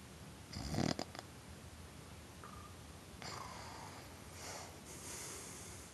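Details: Snoring: a loud rattling snore near the start, then quieter breathy snoring over faint room hiss.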